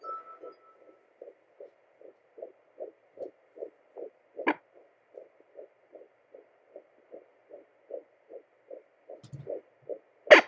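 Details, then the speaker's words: Fetal heartbeat on home Doppler at 13 weeks of pregnancy, baby lying toward the back of the uterus: fast, regular soft pulsing about 155 a minute, with whooshing and bump noises from baby moving. "but when you find the heartbeat it's going to sound a lot faster than your own"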